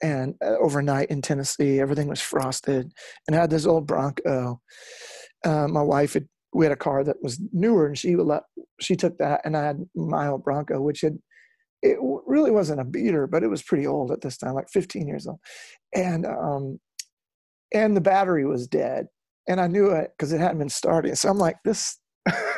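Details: Real adult male former lead singer with incurable spasmodic dysphonia that began at the height of his musical career; doctors could not fix it and it ended his singing career. He still struggles with it, and he says it is audible here. Spasmodic dysphonia.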